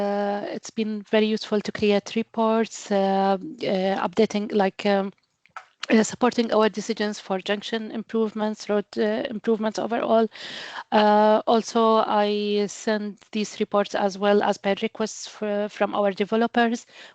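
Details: Adult speaker; Normal voice.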